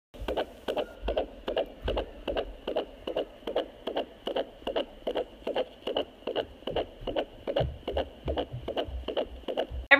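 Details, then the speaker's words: Home fetal Doppler at 16 weeks 5 days of pregnancy (fifth baby): rapid whooshing beats at roughly 150–160 a minute, usually around 160; normal fetal heartbeat. "the baby's heartbeat is usually around 160 sometimes it's a little bit lower sometimes it's a little bit higher"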